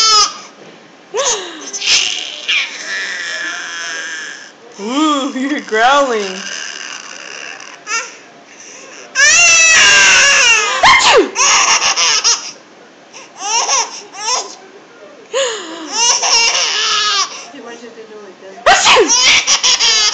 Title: laughing at mommy sneezing